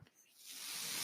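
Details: Podcaster's own mechanical ventilator in background: soft airy hiss swells steadily over about a second as it delivers a breath; mechanical ventilator breath cycle.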